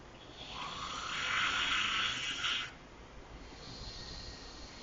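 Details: Snoring while asleep in a car's back seat: one long, hissing, rasping snore lasting about two seconds, then quieter breathing over car noise.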